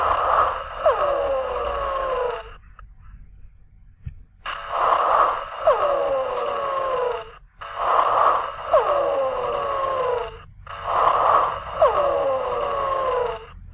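Four breaths with high musical whistling tones sliding through each breath, a classic wheeze from narrowed airways.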